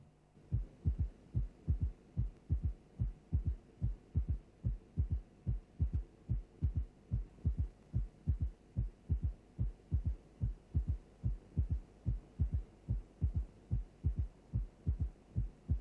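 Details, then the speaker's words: Simulated heart sounds from a cardiac auscultation teaching program, steady at about 73 a minute, with a soft, low extra sound just after the second sound: a ventricular third heart sound (S3 gallop). "constrictive pericarditis and heart failure from any cause may give rise to either a left or a right ventricular third heart sound let us now listen to an example of a third heart sound"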